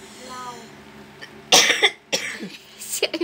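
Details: A few short, dry coughs from the mother, with some throat clearing in the background amid soft talk while filming a cat: a tickly throat cough.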